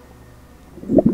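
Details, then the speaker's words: Stomach rumbling heard during a 24-hour gummy-food-only challenge, before dinner: a brief low gurgling rumble after near silence; someone thinks it was their own tummy. "Wait, did you hear that noise? Is somebody's tummy rumbling?"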